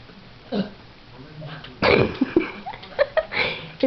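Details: Woman hiccuping and burping at the same time, hiccups won't go away, seems barely able to breathe: several abrupt throaty gulps, each hiccup joined to a small burp, amid talk and laughter.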